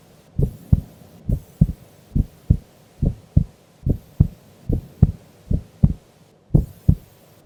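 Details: Female sleeping during an afternoon nap: steady paired lub-dub heartbeats, about 72 beats a minute, regular rhythm; normal heart sounds at rest.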